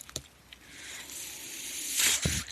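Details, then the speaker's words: Speaker's own mechanical ventilator in the opening of a podcast recording: a soft airy hiss builds steadily, then peaks in a brief louder whoosh, one ventilator-delivered breath in the breathing cycle. "noise you're hearing is my ventilator, and welcome to Page Turners They Were Not, my Star Wars podcast."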